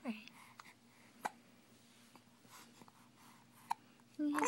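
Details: Young child with hiccups: a few short, sharp hiccups a couple of seconds apart in a quiet room; an adult voice starts at the end.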